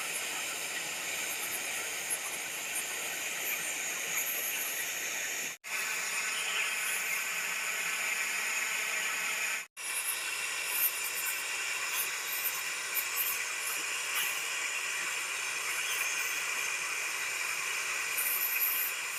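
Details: Dental scaling after disclosing dye showed plaque and tartar between teeth, using a Swiss air-flow polishing unit: steady high hissing spray with two brief pauses as teeth are cleaned; patient reports no sensitivity or pain.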